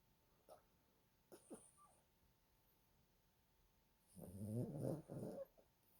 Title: Yorkie/Roney/sleeping snoring beauty